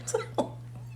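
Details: Two short, harsh coughs or throat catches close together over a steady low hum, right after eating a Carolina Reaper pepper that immediately burned the back of the throat.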